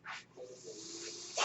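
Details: Noise of the speaker's own running mechanical ventilator during a spoken podcast recording: soft rushing air hisses in bursts over a faint steady mechanical hum, ending in a louder gush.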